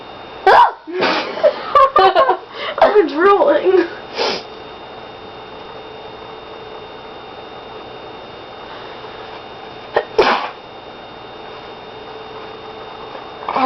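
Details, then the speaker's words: People deliberately smell laundry detergent (not snorting it) to make themselves sneeze: several sharp, explosive bursts, some in quick succession, with voices and laughter, then two more later; repeated sneezing. "okay so we're going to be oh taking laundry detergent putting it next to our nose and making ourselves sneeze"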